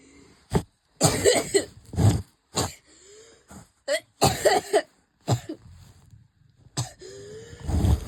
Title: Coughing fit! Ouchie!!